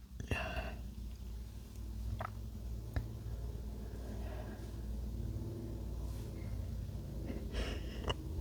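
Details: Man acting a stifled sneezing scenario, trying to stay quiet despite a tickle: a few brief, muffled bursts of air as he holds in sneezes.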